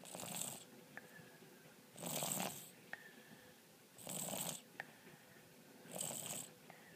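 A sleeping cat snores in soft, hissing bursts about every two seconds, roughly 30 breaths a minute.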